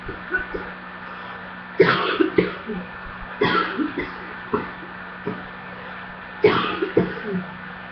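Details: Ongoing coughing, with a part the person describes as choking: repeated short coughs and throat clearing in clusters over a background hum.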